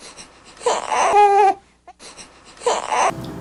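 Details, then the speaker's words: Discomfort cry of a baby aged 0–3 months: two short, whiny cry bursts with a breathy "heh" onset, distinct from other cry types. "é vocês vão ver em um videozinho que ele chama é porque em inglês o hagah atençom dr esse chorinho prestem atenção é um chorinho que ele parece um cheirinho de manhã"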